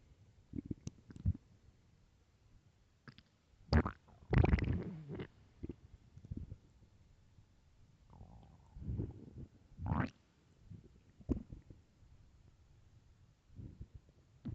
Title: Very hungry stomach growls and groans